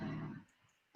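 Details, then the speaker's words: A bulldog's brief, low rumbling snore fading into near silence; heavy snoring. "about that if you can hear that that's my bulldog snoring"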